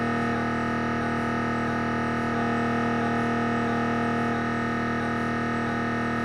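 Steady, loud electronic droning hum with rapid rhythmic pulsing; an MRI scanner running a head scan.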